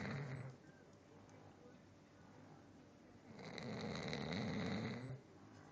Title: Papa Chow snoring during morning nap